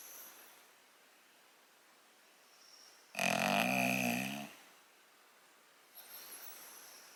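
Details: English Bulldog snoring while awake and relaxing, not asleep: one loud, drawn-out rattling snore lasting over a second, with quieter breaths before and after; noisy flat-faced dog breathing.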